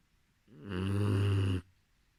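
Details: Sleeping boxer puppy: one loud, rumbling snore lasting about a second; snoring.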